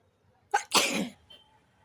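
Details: Single explosive sneeze after a brief inward catch, provoked by tickling the nose with grass during a sneezing challenge.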